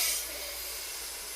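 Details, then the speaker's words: Manual blood pressure measurement taught with a stethoscope: a steady hiss of air as the fully inflated cuff deflates through its release valve, turned to the left. The sounds heard through the stethoscope then stop, giving the reading. "So it will deflate back during during the process of it deflection."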